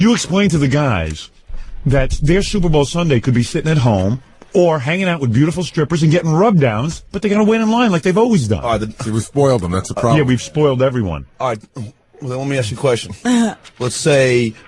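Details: Adult male speakers, radio conversation; normal speech.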